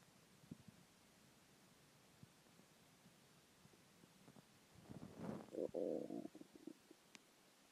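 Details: Quiet gurgles building to a loud, drawn-out rumbling growl from an empty stomach after skipping lunch; ordinary hunger stomach growling (borborygmi).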